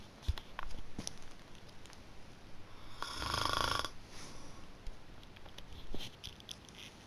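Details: One rough, rattling snore amid quiet breathing and faint room noise from a person asleep, recorded by a young cousin.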